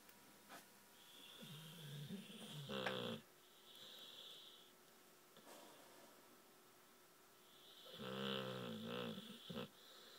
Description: American Staffy Pumpkin snoring after a good romp at the beach with her mate Zulu!